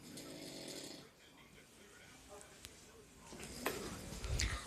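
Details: Adult man recorded at night, January 21, snoring very loudly, likened to a wild hog.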